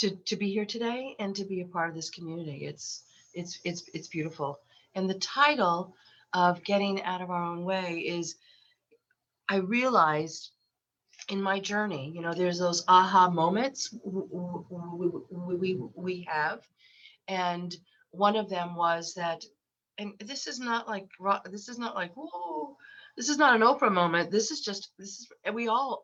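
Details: 63-year-old woman with lifelong stuttering, very repetitious, with eye closures, worse when unwell (summer cold) and since COVID; stuttering.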